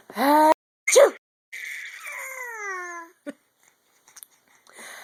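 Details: A mother's single voiced sneeze: a drawn-in 'ah' then a sharp burst, followed by a long falling infant squeal, brief clicks and breathy noise.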